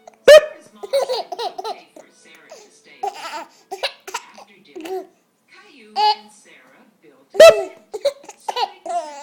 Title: Funny hiccup baby boy